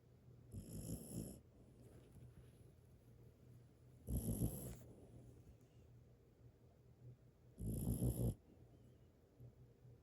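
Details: Sleeping dog: three rough, rattling snores a few seconds apart over quiet breathing; loud snoring.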